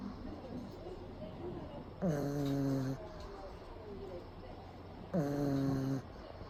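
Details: Loud, rumbling, tonal snores on each inward breath between quieter breathing, from a pug napping with eyes rolled back showing the whites; brachycephalic dog snoring.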